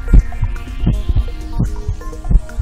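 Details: Regular paired heartbeat thumps at about 80 beats a minute, heard through a digital amplifying stethoscope chest piece, with steady background tones; heart sounds.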